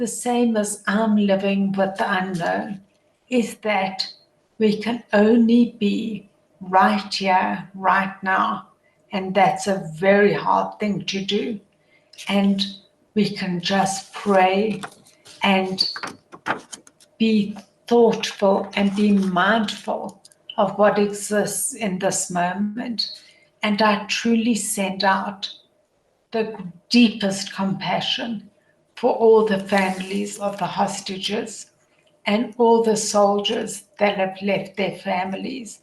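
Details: Adult woman with primary lateral sclerosis, a progressive degenerative motor neurone disease affecting her voice, tongue, facial expression and vocal cords; she uses a voice amplifier later in the programme; spastic dysarthria (primary lateral sclerosis).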